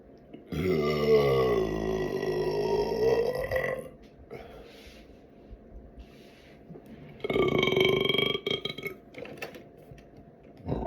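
Two long, deep, voiced burps separated by a quiet pause, with low room noise behind them.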